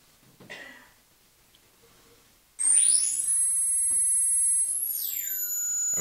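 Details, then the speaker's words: High-frequency pure tone hearing demonstration, about 10, 12, 14 and 18 kHz, during an ultrasound principles lecture: after brief quiet room noise, steady very high-pitched electronic whistle tones that shift in pitch. "that's about 10 12 14 18 kilohertz can you guys can hear this"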